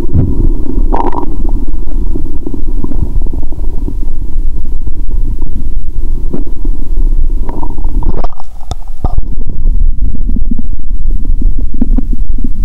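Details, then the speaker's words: Adult after eating many Mentos with zero-sugar cola, belly swelling and painful: loud, deep gurgling and rumbling with brief pauses; active bowel sounds. "Tôi đã ăn rất nhiều Mentos, vì vậy tôi có thể nghe thấy tiếng bong bóng trong dạ dày của tôi! !!"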